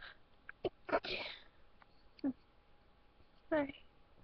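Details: Person trying to hold back sneezes: short stifled sneezes and sniffs, several held back, one fuller sneeze among them; sneezing.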